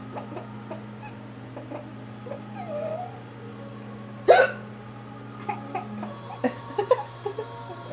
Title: Baby laughing at mami with hiccups